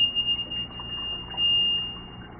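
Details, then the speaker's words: Level 1 rapid infuser at power-on after priming: loud, steady high-pitched beep as it checks for air in the line. The air light went out at once, meaning the line was well primed without air bubbles. "beep is checking for air light immediately went out which means be primed it well and didn't have any air bubbles"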